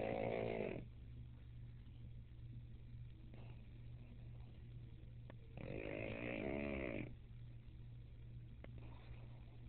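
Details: Sleeping pug snoring in rhythm, with loud buzzing snorts every few seconds over a steady hum.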